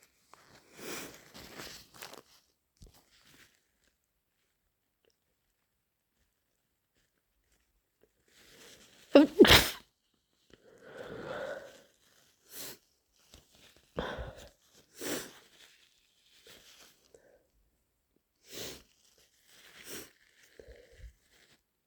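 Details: An adult with a developing cold gives a loud, wet sneeze amid sniffs and nose blowing.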